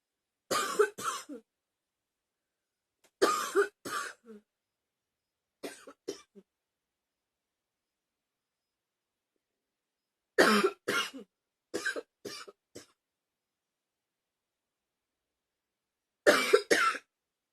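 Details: Repeated bursts of dry coughing, two to four coughs per burst, separated by pauses in a quiet room, with "ow" exclamations afterwards: cough.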